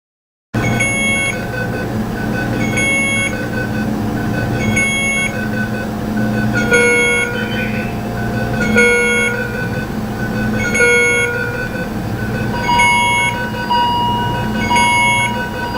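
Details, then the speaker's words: Simulated ICU alarm overload: overlapping, repeating electronic tones from several devices sounding continuously, illustrating the alarm excess that leads to alarm fatigue. "I'm sure we've all experienced over stimulation of these alarms at our clinicals and that's just of 8 hours if you don't here's a little taste of what alarm excess can sound"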